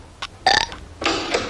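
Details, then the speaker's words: Two short, throaty burps from a cartoon burping contest scene (The Simpsons), not a real person, as a mother forbids burping; burping. "are you kids doing now we're having a contest mom watch knock it off I do not allow burping in this house"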